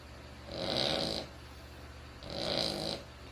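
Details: Sleeping Cavalier King Charles Spaniel: two raspy, hissing snores, each under a second, with quiet pauses between; snoring.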